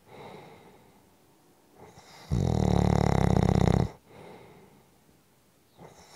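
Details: One loud, low, rattling snore lasting about a second and a half on an in-breath, with quiet breathing before and after; snoring.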